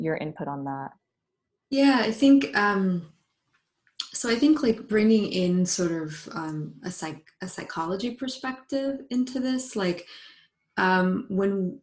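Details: Adult woman, a psychologist who identifies as a person who stutters, speaking spontaneously in a live panel; stuttering.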